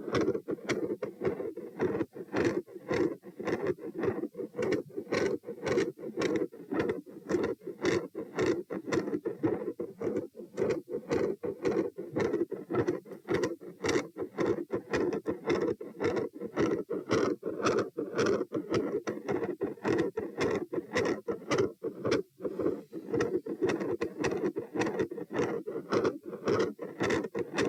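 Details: Stethoscope heart auscultation at position P during a stress test (rates 72-90-102-114-90 bpm while lying, sitting, standing, bobbing, standing, lying). Fast, steady heartbeats with a continuous rumbling machinery murmur and intermittent sharp clicks.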